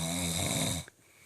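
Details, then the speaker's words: Father snoring loudly at 2 a.m., keeping family awake: one loud, rough snore during inhalation that fades into quiet. "this is us at 2:00 in the morning and he always wants to talk mess but yet we are sitting here and can't sleep because daddy is snoring so loud"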